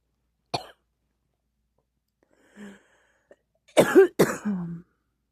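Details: Cough: a soft sound, a pause, then two forceful coughs close together, the last trailing into a groan.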